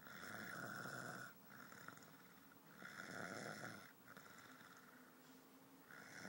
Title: Snoring man who doesn't snore (??)